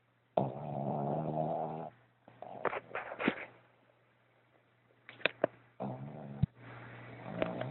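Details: Snoring from Spike while asleep: several grunting, rattling snores with snorts and pauses between them, over a low steady hum.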